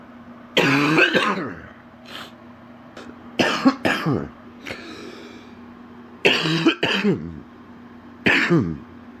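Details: Adult man, sick with an extremely stuffy nose, has a deep, wet, horrible cough: a wet productive cough.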